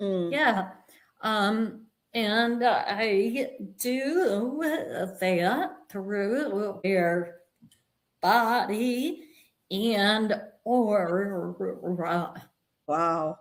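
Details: Adult woman with a vocal tremor that she and the host attribute to over 50 years of narcissistic abuse and trauma beginning at age five, manifesting after decades of abusive relationships; vocal tremor.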